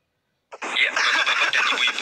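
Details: An acted cough in a TV advertisement for Siladex cough medicine: a sudden harsh burst of coughing after silence.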